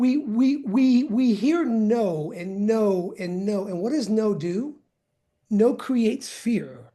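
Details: Male person who stutters, with audible word repetitions; stuttering.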